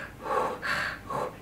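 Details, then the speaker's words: Simulated rapid, airy open-mouth breaths imitating a panting cat, a possible sign of feline asthma alongside increased respiration; open-mouth panting. "some pet owners notice things like increased respiration like the cat's chest is going much quicker and more regular than normal some owners may notice panting but the cats open their mouth"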